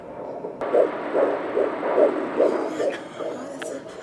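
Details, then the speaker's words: Fetal heartbeat at a 12-week pregnancy appointment, heard on a handheld Doppler: a rapid, regular whooshing at 144 to 146 beats per minute, within the normal 120 to 160 range. "144 to 146. So that's... This is normal. So normal range is from 120 to 160."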